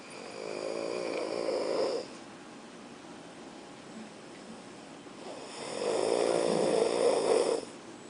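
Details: Student snoring loudly while asleep in class: two long, buzzing, fluttering breaths through the throat with a quieter pause between them and faint room noise.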